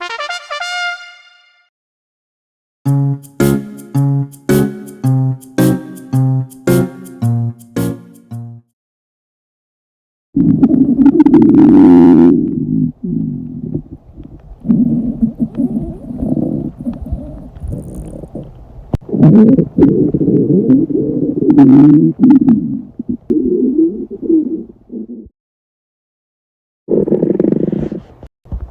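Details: Reenacted stomach growling during class from a stomach ache: after a short musical jingle, long low rumbling and gurgling borborygmi.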